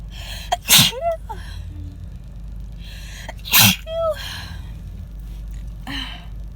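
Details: Two loud, harsh sneezes, each after a sharp intake of breath, inside a car from a cold moving to the chest; the sneezer tried to stifle them and says they hurt the throat.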